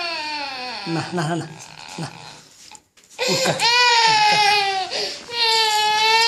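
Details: Baby crying: loud, sustained wailing with high, pitch-wavering cries and brief breaths between; no cough heard despite the cough label.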